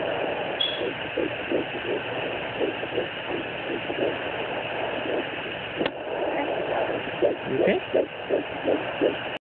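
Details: Fetal heartbeat at 10 weeks of pregnancy, heard with a fetal Doppler on the mother's abdomen: rapid rhythmic whooshing pulses through a hissy Doppler signal, about 165 beats per minute.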